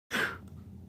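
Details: One sudden explosive sneeze with a fading breathy tail, from a collection of one person's allergy sneezes recorded throughout their birthday; sneeze.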